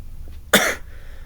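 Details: One short, harsh cough against a low steady room hum, from someone coughing badly while solving a Sudoku: cough.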